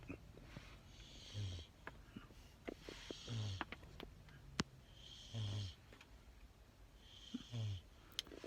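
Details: English bulldog riding in a car to the vet for an ear infection check: short low rumbling snores about every two seconds with snorting breaths over road noise; snoring.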